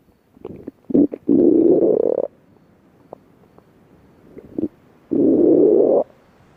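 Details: Stomach growling (borborygmi) from a hungry person at a beach at night: low gurgling rumbles with short pops and two longer groaning growls over faint background noise.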